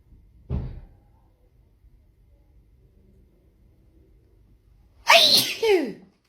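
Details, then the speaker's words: Part of a sneezing fit with no known trigger (possibly perfume, cleaning products or powder): a short sharp sneeze, a pause, then a louder forceful voiced sneeze. "That's 4, but I did 3 before I started recording. Don't ask me what the trigger is because I have absolutely no idea. I just sneeze."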